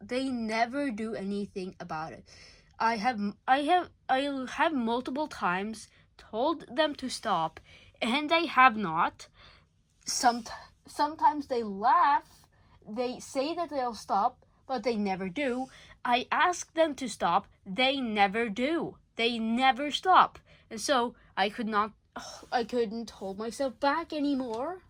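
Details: Male speaker under legal guardianship who self-reports stuttering a lot: real stuttering.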